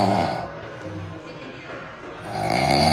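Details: Sleeping house cat lying in the middle of a room, snoring very loudly: a loud, rough, rumbling snore on the in-breath, fading and returning.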